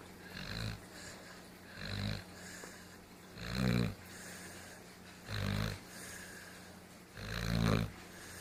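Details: A sleeping dog snores in five low, grunting, rhythmic bursts, each on an in-breath, with quiet breathing between them.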